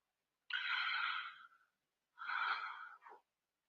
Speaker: Yeah, you can hear, if you listen to my videos, you can hear how bad how laboured my breathing is. I struggle to, I really struggle to breathe.